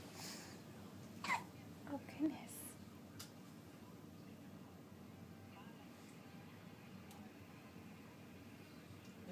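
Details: Three short, sharp voiced catches within about a second, then a quiet room: a child's hiccups.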